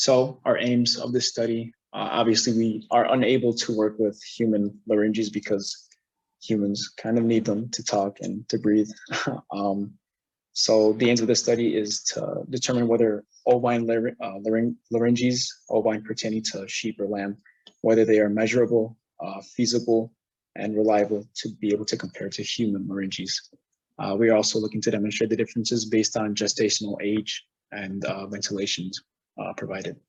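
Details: Adult male presenter; normal speech.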